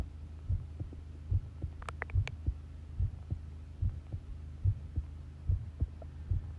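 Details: Long heartbeat recording: normal heart sounds, a steady, regular, low thumping heartbeat at about 70 beats a minute over a low hum.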